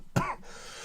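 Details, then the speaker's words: An adult with really bad phlegm makes a single short, forceful throat-clearing burst that is rough and rattly, in keeping with loose phlegm. "B-Ry has really bad phlegm tonight. So we're going to be commenting on that."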